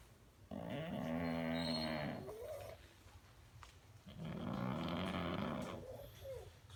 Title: Abby the Pug snoring